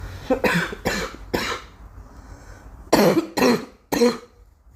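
About six sharp, loose coughs in two clusters, separated by a short quiet pause; a child's repeated coughing.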